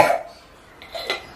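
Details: Voluntary cough by an adult male in a nursing student's effective-cough demonstration, after upright deep nasal breaths held and exhaled through the mouth: a single short deliberate cough and faint throat sound, acted.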